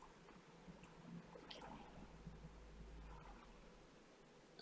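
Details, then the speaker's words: Dry micro-suction, without drops, of bilateral fully occluding impacted ear wax and keratin, near the canal entrance: low rumble with irregular wet crackling and squishing as resistant wax plug and mushy dead keratin are drawn out. "a little plug of wax and keratin and all that's remaining now it's not actually waxed it's all keratin you can tell by the texture the glossiness"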